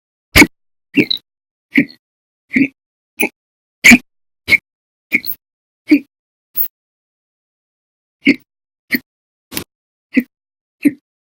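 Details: Fifteen loud, abrupt hiccups spaced under a second apart, with a brief pause; violent, loud hiccups recorded in October 2019, with episodes lasting over 5 hours a day and up to 13 hours 34 minutes: persistent hiccups.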